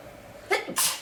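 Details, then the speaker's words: Stuffy person with a horrible cold, deliberately making themselves sneeze to clear it; a quick breath in, then a single sharp, hissing sneeze. "Oh, I'm sick of this cold. Chew. Chew. Man. Chew. Ugh. Feels good to sneeze though."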